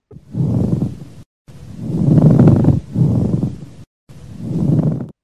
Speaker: y el roce pleural